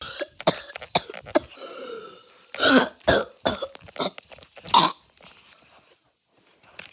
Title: why are you coughing so much